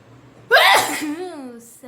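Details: Woman doing a deliberate sneezing challenge: a single loud, explosive sneeze followed by a short falling vocal tail; an ordinary sneeze.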